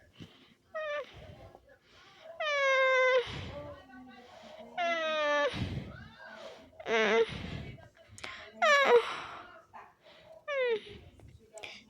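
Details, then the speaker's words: Repeated high, drawn-out whimpering moans with breathy pauses, from a young girl in diapers who is sick with flu and a dry cough. "Eu não sei se dá pra ouvir, mas ela tá gemendo muito. Eu vou chegar um pouquinho perto pra vocês ouvirem."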